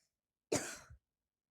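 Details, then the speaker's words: A single short, harsh cough from a girl who says she is slightly ill, heard while she talks during gameplay; she then says she has cleared her throat. Cough. "Подожди. Все, откашлялась я."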